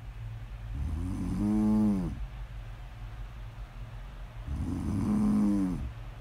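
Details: Person snoring during sleep, recorded as ASMR snore audio: two deep, buzzing snores on the in-breath, roughly 14 breaths a minute, with quiet breathing between; ordinary snoring.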